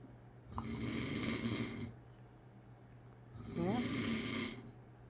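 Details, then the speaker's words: Father asleep: two long, loud, rattling snores on in-breaths about three seconds apart, quieter than a minute earlier, with quiet room noise between; snoring. "Daddy's snoring, huh? Not as loud as he was a minute ago, though."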